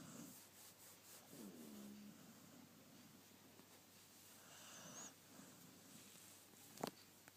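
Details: Soft snoring from a sleeping animal: quiet, low rumbling breaths with a brief tonal, whistly snore and a faint snort, and a sharp click near the end.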